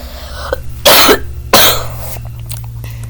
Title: stepford control pc (dont mind my coughs because aint not a voice reveal)